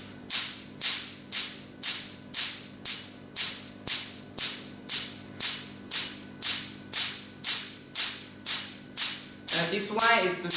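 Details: Q-switched Nd:YAG laser firing sharp, regular snapping pulses at about two per second over a steady machine hum, with a brief voice at the end, during a treatment demonstration.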